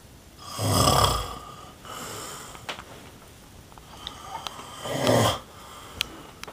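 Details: Sleeping man snoring while makeup is applied to him: two loud, rattling snores on breathing in, about four seconds apart, with quieter breathing between; ordinary snoring.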